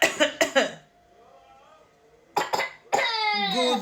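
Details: A toddler boy gives a few short, deliberate coughs on request to show how to cough, then an adult voice speaks; not a sign of illness.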